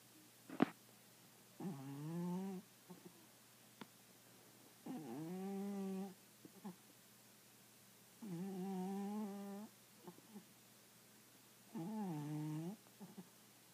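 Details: Soft, buzzing snores with each breath in, about four over fourteen seconds, in a quiet room; snoring.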